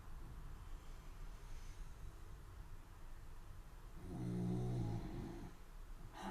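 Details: A dog gives a low, rattling snore, then a brief snort, over a quiet rumbling room background.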